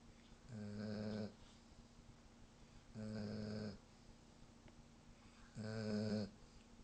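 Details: German Shepherd snoring while asleep: three rumbling snores with quiet gaps, roughly 24 a minute.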